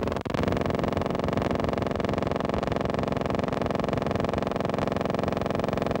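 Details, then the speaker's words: Needle EMG teaching recording of complex repetitive discharges: steady, machine-like rapid buzzing at an unchanging rate; CRDs cease firing with minimal needle movement from the generator, often with fibrillations and positive sharp waves in disease. "On many occasions, the generator can be accurately pinpointed because with a minimal needle movement from the generator, CRDs will cease firing."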